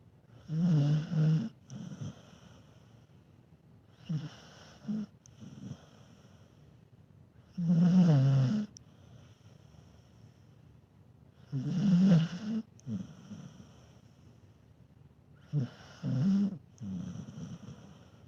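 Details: Loud, regular rattling snores about 14 a minute from a sleeping dog, each breath in followed by a softer breath out; snoring.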